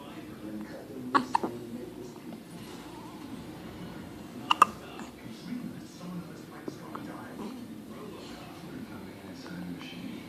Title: has the hiccups